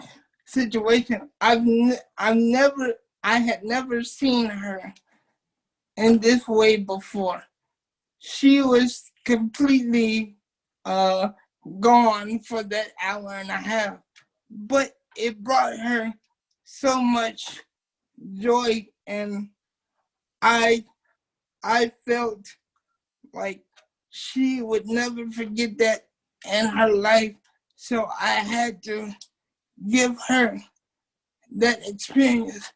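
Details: Dysarthria in a 27-year-old man with cerebral palsy since birth, whose muscles do not work typically; he uses a wheelchair, and doctors had said he would never talk.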